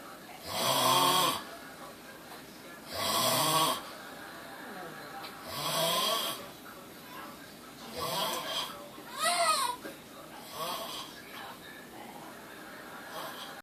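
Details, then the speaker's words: About five loud, rattling snores with breathy noise at an irregular pace, from a man asleep halfway out of a chair, with background room noise. "How the fuck can you snore that loud? And he's halfway out of the chair."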